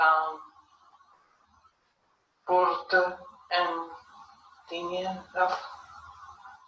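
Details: Patient with nonfluent variant primary progressive aphasia continuing a picture description task; finding: nonfluent speech in nonfluent variant primary progressive aphasia.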